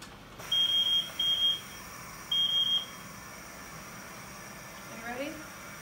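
Repeated bursts of high-pitched electronic beeping in three groups over quiet room noise, an alarm from a non-invasive ventilator.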